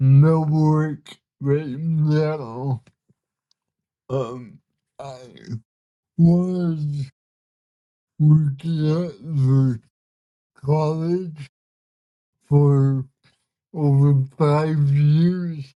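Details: 32-year-old man with cerebral palsy, communication hard at times and initially hard for listeners to understand; dysarthria (cerebral palsy).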